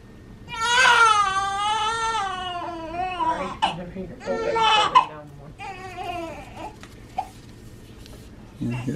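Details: Newborn girl just after birth following scheduled induction, 21.25 inches long, 7 lb 12 oz: loud rhythmic wailing cries in bursts with breaths between, then quieter whimpers; vigorous normal newborn cry.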